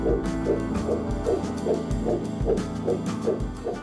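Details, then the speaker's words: Rapid, regular whooshing fetal heartbeat at about 150 a minute, recorded with a smartphone-connected pregnancy monitor and app that let it be shared by email, with music underneath. "nouveauté le fait de pouvoir enregistrer ce rythme cardiaque et de le partager au travers d' email"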